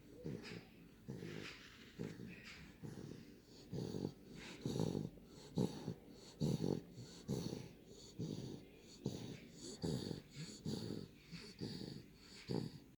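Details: Repeated noisy, rattling breaths with faint whistling at times from a sleeping 9-week-old Daniff puppy: snoring.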